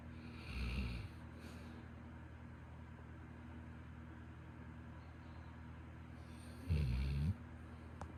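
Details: Deep, rumbling snores about six seconds apart with quiet breathing between, from a sleeping Labrador dog; ordinary snoring.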